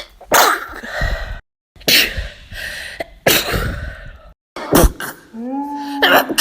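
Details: Several forceful, explosive sneezes in quick succession from a comedy compilation, separated by brief cuts, with a short voiced sound at the end; sneeze.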